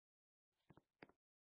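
Two quick double coughs, short harsh bursts of air close together, recorded quietly.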